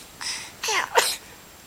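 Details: Recorded while the mother sings to her child, who has hiccups: three short, sharp bursts of breath noise in quick succession in a quiet room, fitting a run of sneezes.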